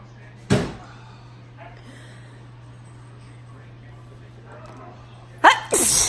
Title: Up close sneezes. Q-tip sneezes